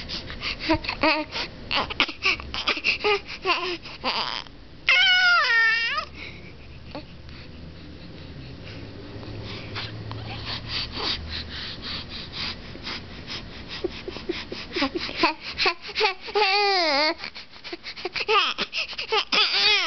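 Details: Infant crying: bursts of shrill, choppy crying with gasping breaths between, a quieter whimpering lull in the middle, then louder wails again.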